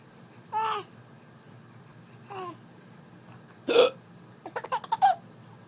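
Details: Someone laughing at hiccups: several abrupt, sharp hiccup sounds mixed with bursts of laughter and some babbling.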